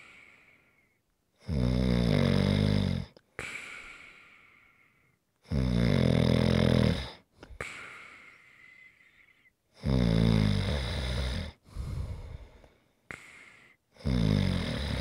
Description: ASMR - Great snoring sounds to rest and relax to.